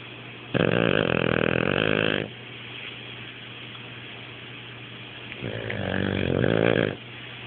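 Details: Wasabi snoring while asleep: two loud, long rattling breath sounds with a steady hum between them; heavy snoring.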